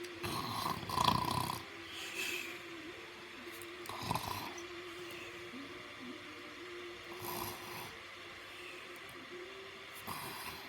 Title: Loud happy snores 6